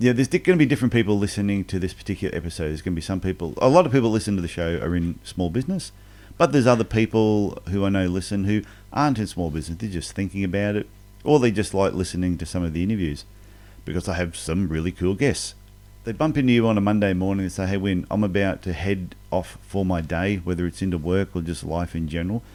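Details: Adult man; normal speech.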